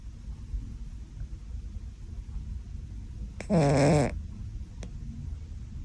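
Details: A sleeping cat gives one loud, buzzy, rattling snore under a second long in a quiet room.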